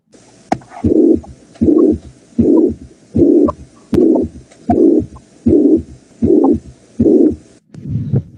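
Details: Mitral regurgitation heard at the mitral auscultation area in a nursing physical-exam teaching demonstration: regular beats near 78 a minute, each followed by a blowing murmur filling systole.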